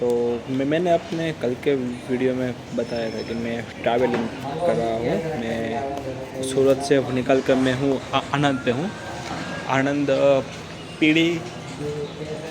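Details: Stuttering in an adult man on day 65 of a stammering-control program that uses breathing, slow counting and reading-aloud fluency exercises, speaking in a public hospital; finding: stuttering.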